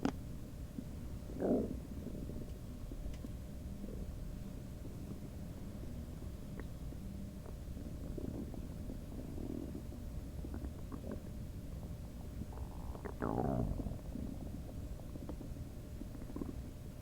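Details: Requested recording of a person's stomach noises with other background sounds: low gurgling and bubbling rumbles come and go over steady room noise; borborygmi.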